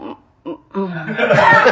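Two short throaty cough bursts from an adult, then a longer voiced, laugh-like sound.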